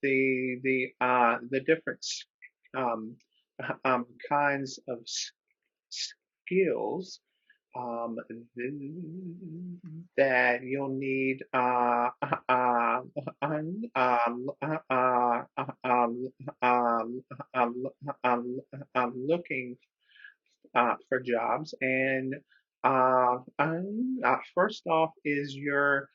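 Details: Adult man who stutters speaking with repetitions and filler interjections; stuttering.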